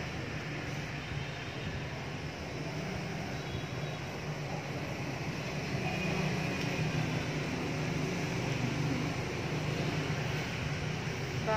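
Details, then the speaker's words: Myneb compressor nebulizer switched on by its button, mains powered at 220V, with adult mask fitted: steady low mechanical hum and fast vibrating buzz; rated 51 dBA, 0.45 ml/min, particles 3.11 micron. "Và sau đó thì mình sẽ khởi động máy bằng một nút như này. Và mình bắt đầu xông."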